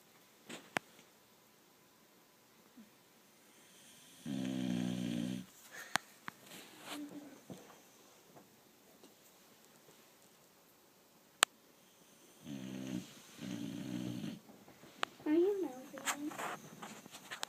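Irregular loud snoring in short bursts, some with a fluttering rattle, separated by quiet stretches with small snuffles and room sounds.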